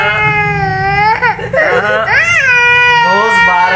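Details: Loud, sustained crying with rising and falling wails and catching breaths from a baby during first haircut at a salon.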